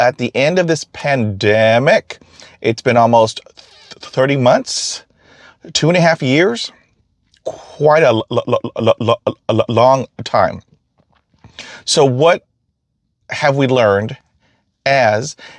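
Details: Stuttering in an adult man who stutters.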